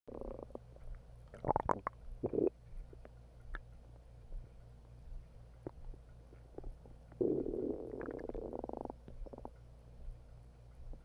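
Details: Several bubbling, gurgling rumbles and one long drawn-out growl over a low steady hum after eating half a bag of hot chips; ordinary stomach growling (borborygmi).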